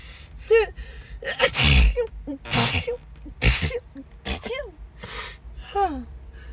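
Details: Acted, announced sneezing fit; the speaker apologises, says something got up the nose and suspects an allergy: about six sneezes in quick succession, each with a sharp gasping intake before it, over light background music.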